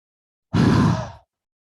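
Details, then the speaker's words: Demonstrated huffing cough for airway and sputum clearance, aimed at COVID and post-COVID patients: a three-second inhale through the nose, then one long breathy "haaa" through a wide-open mouth like fogging glass, without a cough burst. "Saya ulangi sekali lagi saya menarik napas lewat hidung selama tiga detik kemudian saya mengeluarkannya lewat mulut seperti membuat embun"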